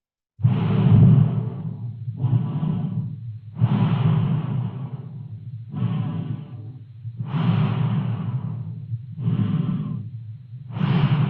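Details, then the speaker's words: Simulated normal breath sounds from a black Labrador veterinary training mannequin (K9 vet trainer) at the stethoscope site: soft, even breathing at about 18–20 breaths a minute. "so if I would go into the breathing and you can then look okay where do I need to be placing my stethoscope for the breathing and this is just the sound of the normal breathing for the"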